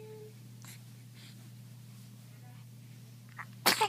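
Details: Baby's first sneeze, in hospital: a single sharp sneeze bursts out after quiet snorting breaths over a steady background hum.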